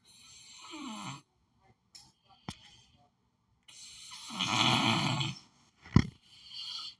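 Short noisy snorting snore from a cartoon, with a sharp snort and quieter breathing sounds; a played-back snore effect.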